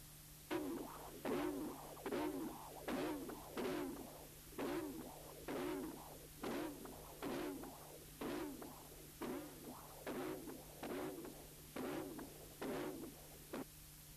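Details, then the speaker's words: Mitral prosthesis with torn cusp; CW Doppler of mitral regurgitation with vibrations in the systolic envelope, buzzing angry bee sound at about 70 a minute, prosthetic mitral regurgitation; valve later replaced. "This is the CW Doppler exam, which also shows unusual vibrations within the systolic envelope. Listen again to the angry bee murmur that is typical for a torn cusp."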